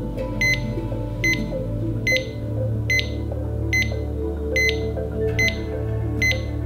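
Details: Simulated cardiac rhythm teaching demo of sinus rhythm: regular monitor beeps at about 72 per minute over background music; normal sinus rhythm.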